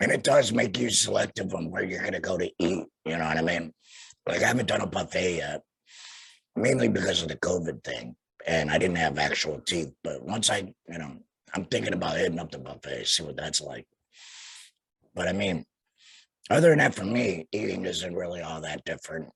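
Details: Tracheoesophageal speech in a young man about two years after total laryngectomy for cancer, followed by radiation, speaking through a vibrating flanged voice prosthesis and breathing through a neck stoma.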